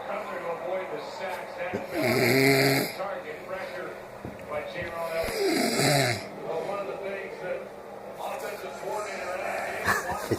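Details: Sleeping person: loud, rough, rattling breaths about 18 a minute, somewhat irregular, with quiet room noise between; snoring.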